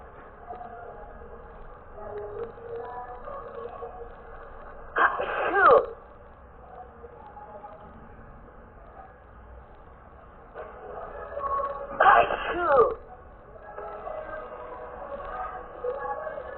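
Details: Two loud, sharp sneezes several seconds apart, with quieter breathing and faint room noise between, from a person who says they are really sick; sneezing.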